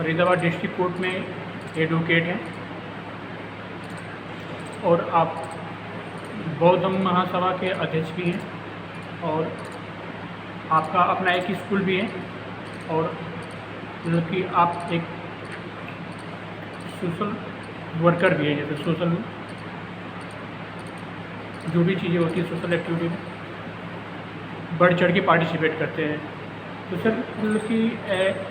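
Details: Adult male speaker; stuttering.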